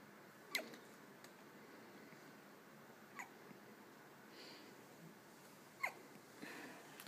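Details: Two-day-old infant's first hiccups: three brief sharp sounds a few seconds apart over quiet room noise.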